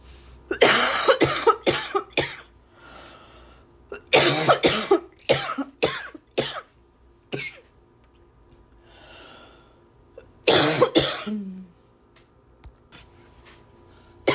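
Three bouts of harsh, repeated coughing, several coughs in each bout, with quiet breaths in between.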